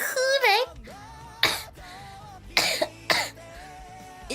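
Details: A few short dry coughs interrupting a woman's speech during a live stream, music in the background; girl coughing.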